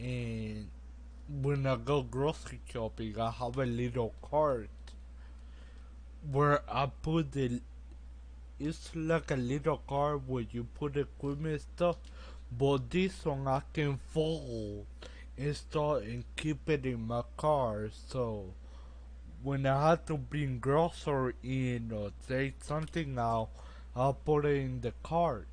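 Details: Man with Friedreich's ataxia, a genetic condition that began at age 18 and has progressively worsened, who uses a walker and wheelchair; he attributes his speech to it; finding: ataxic dysarthria.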